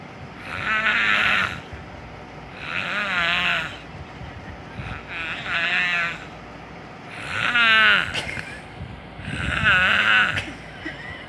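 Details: Sleeper's snoring recorded while another person moves the sleeper's mouth around: five loud, rough, tonal snores in about eleven seconds, pitch sliding up and down with the mouth movement; snoring.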